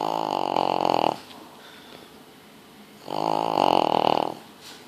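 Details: Pug snoring: two loud, rattling snores about two seconds apart, each on the in-breath, with a quiet out-breath between.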